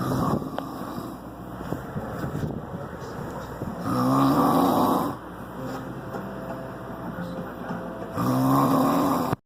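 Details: Loud, rough, rattling snores on the in-breath, each about a second long, recorded in the dark against steady fan noise.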